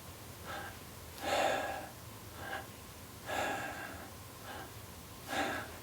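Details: Chest breathing demonstrated during a respiratory therapy session on deep abdominal breathing and clearing the lungs; chest breathing.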